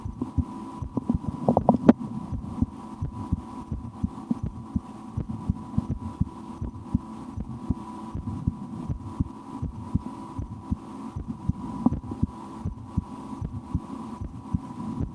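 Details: The recorder's own heartbeat through a stethoscope while relaxing, with some breath-holding and efforts to speed it up, after a lunch; soft regular low thumps, steady hum, occasional movement bumps and stomach gurgles. Normal heart sounds.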